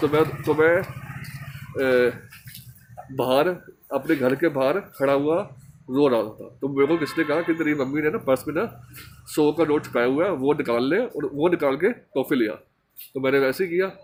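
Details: Man who stammers, speaking Hindi in a stammering association course task on emotional recovery; stuttering.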